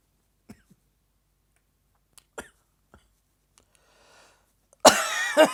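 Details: Tickling afternoon cough: after quiet throat and mouth sounds, one harsh, dry cough in two quick bursts.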